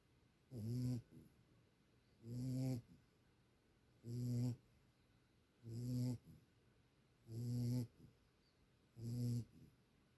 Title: sweet puppy snores